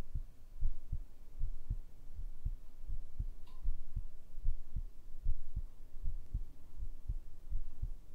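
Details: ASMR heartbeat recording made with a binaural microphone: soft, steady, paired low thumps at about 75 beats a minute, a regular heartbeat, over faint background hiss.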